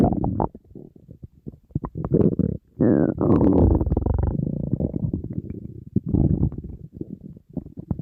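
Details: Person on a diet, very hungry, stomach rumbling nonstop: loud, nearly continuous gurgling and growling with a few drawn-out groaning rumbles; empty stomach hunger growling (borborygmi).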